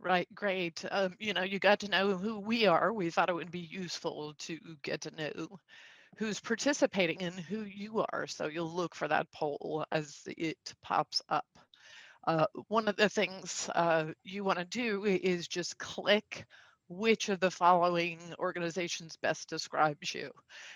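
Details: Adult with spasmodic dysphonia, a neurological vocal cord disorder the speaker says acts up; diagnosed via a telemedicine consult; also has a neurological eye disorder; spasmodic dysphonia.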